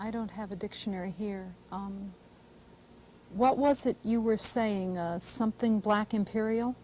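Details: Adult female interviewer; normal speech.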